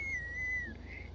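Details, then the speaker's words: Child with wheezing and hard-breathing episodes, about five hours after a last breathing treatment: a steady high whistling tone runs through a single breath, a wheeze. "yeah you can hear that whistling sound there then you pretty okay"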